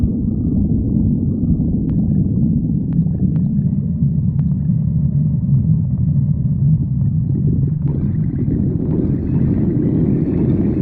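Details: Continuous low, deep rumbling with shifting gurgles and a few faint squeaks: stomach growling (borborygmi).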